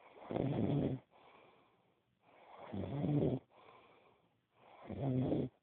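Loud rattling snores on each in-breath with quieter out-breaths, about 26 breaths a minute; ordinary snoring.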